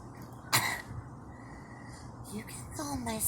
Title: girl coughing and smoking